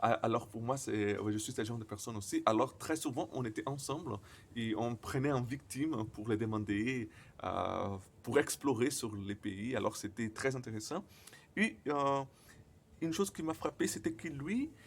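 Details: Stuttering in a male speaker, speaking French, who says his stutter often involves silent moments.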